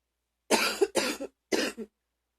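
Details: Deep, chesty cough during illness: three heavy, deep coughs in quick succession, each ending in a short second burst; the person was very sick but has recovered.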